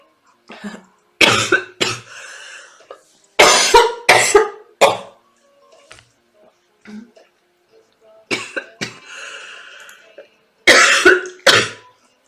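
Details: Girl who is sick: several loud, harsh cough bursts in clusters with throat clearing between them; repeated coughing.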